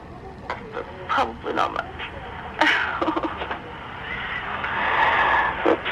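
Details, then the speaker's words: Soft, indistinct murmured gibberish with a brief giggle from a sleeping adult woman, recorded overnight by a sleep-tracking phone app; sleep talking (somniloquy). "so I don't know if you guys know this but I talk in my sleep almost every night did talk last night I don't know if you guys are gonna be able to hear because it's quite soft but let me try"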